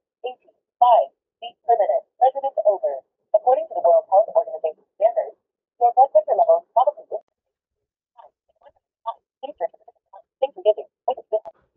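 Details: Talking electronic blood pressure monitor for home use, switched on by power button while on charger: synthetic device voice speaks short announcements in bursts, giving measurement instructions and reading out the result for users with poor eyesight.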